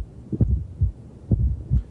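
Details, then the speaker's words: Fourth heart sound (S4), heard best with the stethoscope bell pressed lightly, coinciding with the P wave; low dull extra soft thud just before S1, regular rate about 65/min. "'s low frequency it's very dull it's heard best with the bell of your stethoscope"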